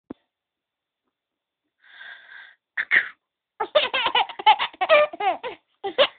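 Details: Mother sneezing: a breathy wind-up and sharp sneeze, followed right away by bursts of laughter from her 7-month-old baby.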